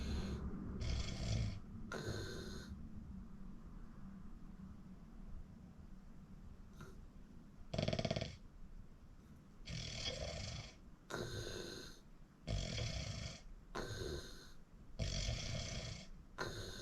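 Repeated coarse, fluttering snores with snorting bursts, about nine in seventeen seconds; heavy snoring during sleep.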